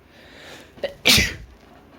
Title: Bored induced sneezes (m)